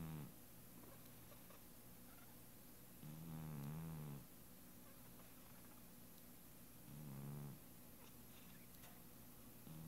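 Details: Light snoring from a sleeping cat: two soft, low, fluttering snores about four seconds apart over quiet room noise.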